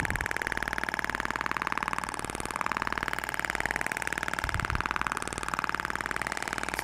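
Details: Thork shockwave therapy applicator firing steady rapid clicking pulses, about two per second, over a continuous mechanical hum, at minimum energy. It is moved back and forth, avoiding bone, in a practical demonstration.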